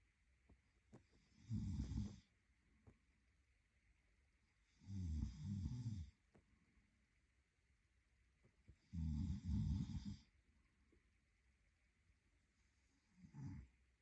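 Four low, rattling snores on inhalation, roughly every four seconds, with quiet pauses between: ordinary sleep snoring.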